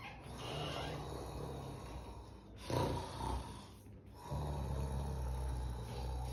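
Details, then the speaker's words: Acted snoring in a short English-vocabulary skit: slow, rough, rattling breaths in and out, a few seconds each, by a man pretending to sleep. "Sir, आप सो रहे हो, वो भी खराटे लेकर। खराटे लेने को English में क्या कहते हैं?"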